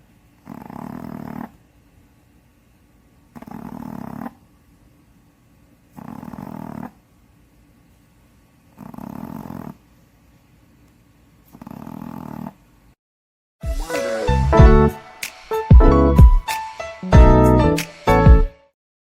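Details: Snoring in a sleeping Shih Tzu dog, estimated 7–8 years old, blind in the left eye, after nostril-widening surgery: low rumbling snores about every two and a half seconds, roughly 22 a minute, before louder unrelated sounds take over.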